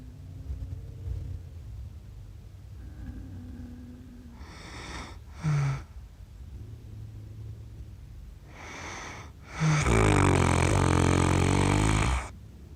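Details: Adult accidentally recorded while asleep, self-described as snoring funny: soft rumbling breaths, sharp snorting intakes and one long, loud, rattling snore; irregular snoring during sleep.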